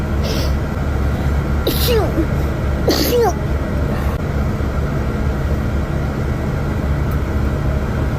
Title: Beautiful Asian girl sneeze